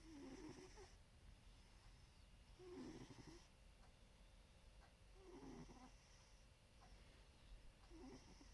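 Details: Princess snoring: soft, regular rattling snores about every two and a half seconds, roughly 23 breaths a minute, over faint room noise; snoring.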